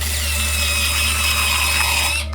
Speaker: now if you've never seen one done before brace yourself because this is a root canal they drill into your